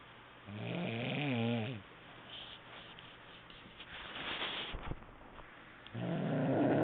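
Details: Rough, wavering snores on the in-breath separated by quieter breathing, recorded on a mobile phone; ordinary snoring.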